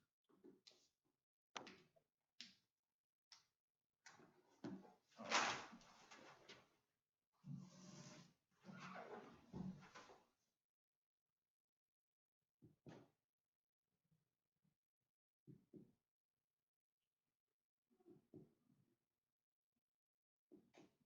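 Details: Chest percussion during a physical assessment: series of short, hollow finger taps on the chest with some rustling of clothing or leads, giving normal resonant percussion notes.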